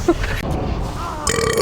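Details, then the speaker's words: Person burping: a short, rough, voiced belch with some background noise. "Okay, here comes another burp. A big ass burp. [Applause] [Music] Perfect. Okay. Nice. I thought the lap update. That was a burp I was waiting for."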